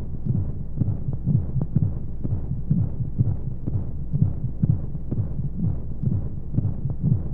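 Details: Womb-sound sleep aid for babies: muffled, rapid, rhythmic low thumps, about 125 a minute, over a steady whooshing flow hum, as heard from inside the womb; heartbeat.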